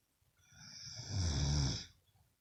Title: Loudest snoring woman😤😠